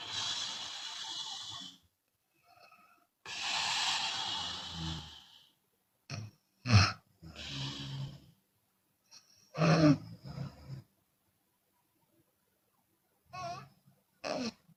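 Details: Chinese woman snoring with open mouth, sometimes on exhalation: loud, rough, rattling breaths in irregular bursts, about 19 a minute, some with noisy exhalation; snoring.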